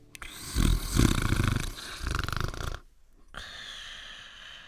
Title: A Cartoon Dog Sleeping and Snoring to "Rock-a-Bye Baby"